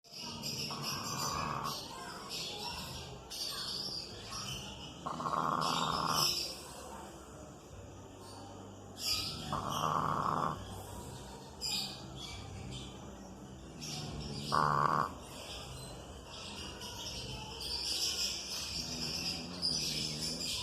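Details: Bulldog snoring outdoors: harsh, noisy snores about every four to five seconds, partly masked by bird and insect sounds; snoring in a dog.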